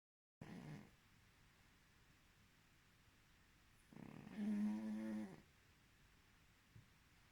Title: Snoring Pug